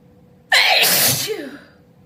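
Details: A single loud, voiced, wet open sneeze with a sharp onset and a long breathy release, in a quiet room; ordinary sneeze.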